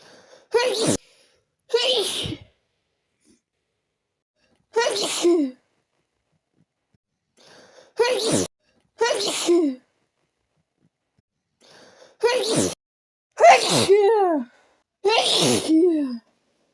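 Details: Eight forceful sneezes in quick succession with short quiet gaps and nose blowing, after taking a little chhinkni (sneezing) powder; a strong sneezing fit.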